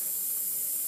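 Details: Steady high-pitched hiss of a suction machine running while the catheter is rinsed with saline during tracheostomy suctioning of an adult male patient with a brand-new trach.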